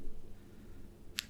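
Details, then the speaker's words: Left knee, clicking for a couple of months: single sharp click as knee straightens from deep squat, weight on left knee pushed forward with greater flexion angle; knee crepitus. "more of my weight is on my left knee and my knee is pushed further forward so the angle of flexion is greater and I'm consistently producing clicks"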